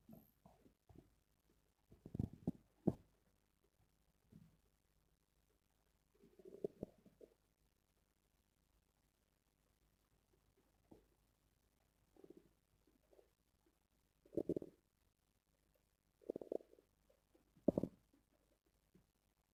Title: Stomach growling sounds #1